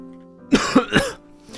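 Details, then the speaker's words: Adult recovering from laryngitis with a sore throat, streaming: three quick, harsh coughs in a row over faint background music; cough. "Oh yeah, there's different degrees of this. Cough volume max."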